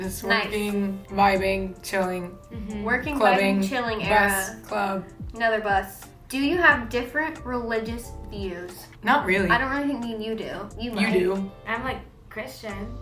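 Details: Young adult women talking; conversational speech.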